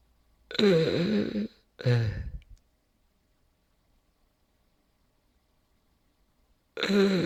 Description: Real footage of a person with cardiac arrest and terminal breathing (gasping).